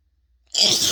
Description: i was actually able to get a couple unrestrained sneezes recorded today. whew!